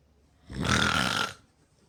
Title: Me snoring pretty loud